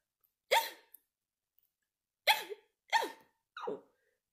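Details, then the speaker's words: Four abrupt, loud, high yelping sounds at irregular intervals from a person with Tourette syndrome, an oppositional tic that is not swearing: vocal tic. "this is actually a better example of an oppositional take that is not swearing"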